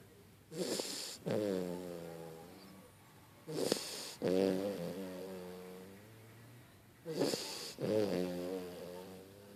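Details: A small pet sleeping and snoring softly; repeated snores with a whistling, squeaky tone on the out-breath, about three over ten seconds.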